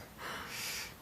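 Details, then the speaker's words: A newborn baby girl's hiccup in a home video: a single soft, breathy, gasp-like catch in a quiet room. "oh look she got hiccups hey no hiccups look at that yeah"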